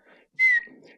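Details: Involuntary whistling vocal tic in an adult man, about 32, with Tourette syndrome acquired after a brain injury; he also has swearing tics.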